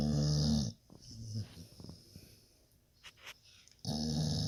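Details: A sleeping dog snoring: a loud, rumbling snore on the in-breath, a quiet pause, then another loud snore beginning.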